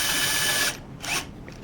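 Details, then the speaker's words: Patellofemoral joint replacement demonstrated on a sawbones model, not a patient: surgical screwdriver inserting the lateral screw to stabilise the trochlear milling guide, without over-tightening. A brief hissing mechanical whir with a ratchet-like rasp. "So the first step is to place the oblique screws followed by the lateral screw. It's important not to over tighten first at the first go. So we insert the lateral screw"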